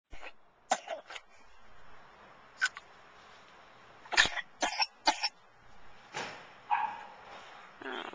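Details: A young child gives several short, small coughs in quick clusters against quiet room noise, recorded with a Flip Video camcorder.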